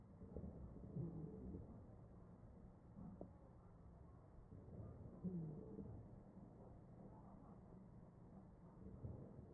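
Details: Chest auscultation in a mechanically ventilated patient: wheezing.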